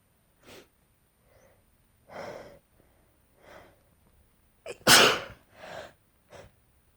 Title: Sneezing fit